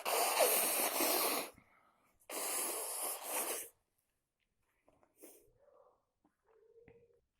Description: Yesterday,I stayed at the pool at the night,but the water is so cold,and in the middle of the night,I started to sneeze a lot with a tissue box,I spend 1 box in a day,I cant stop to sneezes and blow.